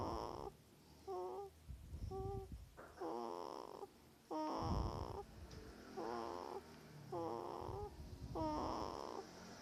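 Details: Sleeping baby snoring: a steady series of short, squeaky, voiced snores on each breath, about seven in ten seconds.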